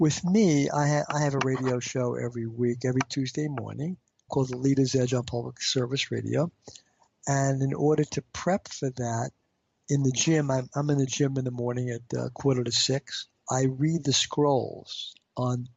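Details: Adult man with stuttering since age five, treated with intensive fluency therapy and now using fluency targets, still reporting blocks; stuttering.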